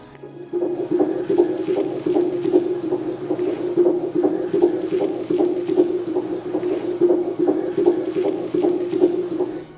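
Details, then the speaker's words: Fast, regular, strong thumping fetal heartbeat on a Cofoe 100S5 home fetal Doppler, used from 16 weeks of pregnancy, about 140-150 per minute, within the stated normal 120-160 range; fetal heart sounds. "区分胎心音、起血流、腹部动脉的声音。胎心音是节奏比较快的有力的咚咚声或者轰轰"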